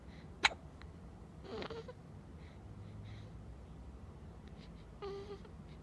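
A sharp hiccup catch stands out, followed by soft infant breathy sounds and faint vocal noises; these are a newborn's hiccups.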